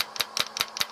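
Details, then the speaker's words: A handheld shockwave therapy device on a low setting, self-applied to the elbow for golfer's elbow (likely tendon micro-tears) in a man near 50, gives sharp, regular tapping clicks about five per second, around 250 of 2,000 strikes. "So it'll strike, that little hammer will strike about 2,000 times, and then I'll give it a quit."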